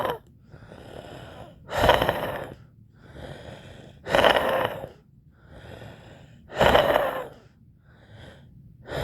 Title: wheezing sound video